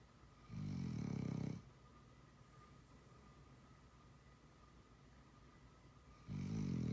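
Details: Loud, low fluttering snores, about 10 breaths a minute, separated by quiet exhalations in a small room, from a sleeper named as a habitual snorer; snoring.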